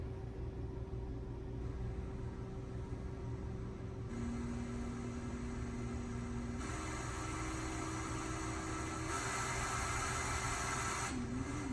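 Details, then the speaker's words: Hamilton C1 ventilator running its flow sensor calibration: steady machine hum with airflow hiss rising in steps from low to high flow before the sensor is flipped and the test repeated. "it's going to kind of give it some different flows starts low and then goes high and then we'll flip it"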